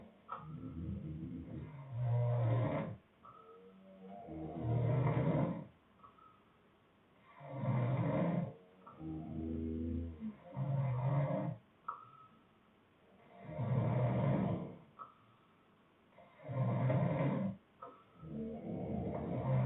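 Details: Sleeping boyfriend, with two other people also snoring: deep, rumbling snores about every three seconds, roughly 20 breaths per minute, rising and falling with each breath; ordinary loud snoring.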